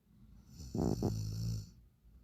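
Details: A single rough, fluttering snore from a sleeping dog, ending in a low drawn-out rumble; snoring.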